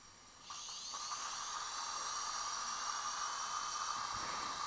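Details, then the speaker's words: Freehand 2 mm twist drill preparing a palatal implant site in the fresh socket of an extracted upper central incisor with fractured root: steady high-pitched whine with water irrigation and faint room noise; surgical implant drill. "in this case we choose to do it free hands because we have a good side planning is easy we use the two millimeter twist drill okay"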